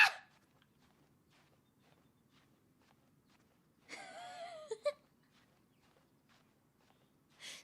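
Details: Young woman's adorable sneeze during a game stream.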